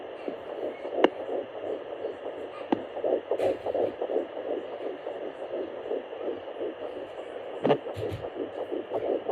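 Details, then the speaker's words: Fetal heartbeat at 10 weeks 1 day pregnant on an at-home fetal Doppler: fast, rhythmic whooshing pulses at roughly 170 per minute; the device's displayed numbers were unreliable. "so there you have it my baby's heartbeat or heart rate at 10 weeks and one day pregnant"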